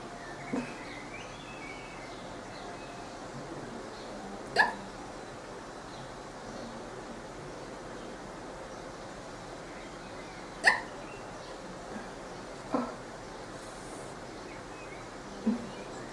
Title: cute girl hiccups a lot❤️